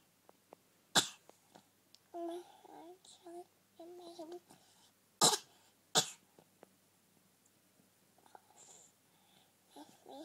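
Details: Cough while singing "You Are My Sunshine."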